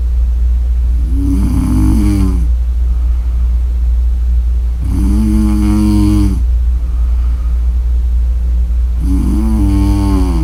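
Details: Three loud, rattling snores at roughly four-second intervals over a steady low room hum; snoring during sleep.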